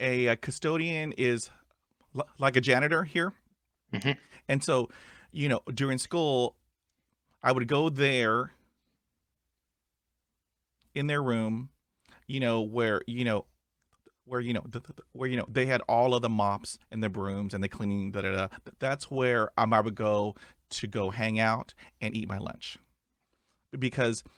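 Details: Adult male who stutters; stuttering.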